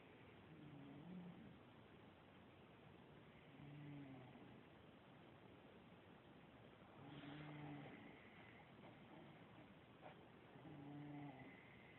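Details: Regular low rumbling snores about every 3.5 seconds, roughly 17 breaths a minute, recorded on an Android phone, over a hiss of background noise; snoring.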